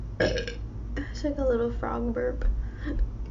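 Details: A young woman burping while eating: several voiced, croaking burps coming up through the throat, with low room hum behind.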